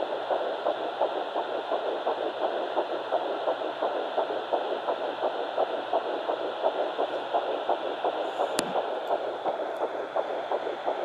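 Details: Fetal Doppler at 9 weeks 6 days, Baby A found on mother's left side after days of searching: rapid, regular whooshing pulses about 170 a minute over steady hiss; early fetal heartbeat.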